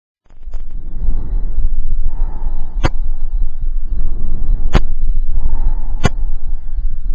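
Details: Stethoscope over the right middle lobe, heard during a lung exam: loud, harsh, hollow breath sounds, bronchial breath sounds, a sign of consolidation.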